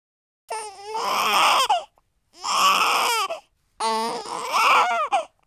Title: baby cry sound